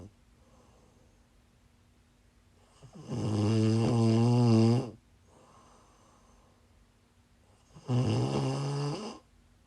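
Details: Woman snoring in sleep while sick: two loud, buzzing, tonal snores about five seconds apart, with quiet breathing between them.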